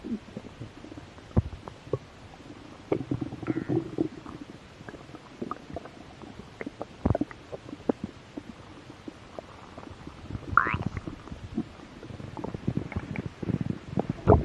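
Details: Close-up ASMR recording of belly while a little hungry: ongoing low gurgles, pops and rumbling with a few squeaky rises; stomach growling (borborygmi).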